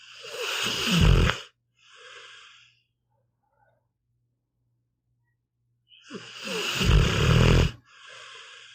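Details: Pitbull dog snoring in sleep: loud rumbling snores on each breath in, each followed by a short breathy exhale, about two cycles in nine seconds.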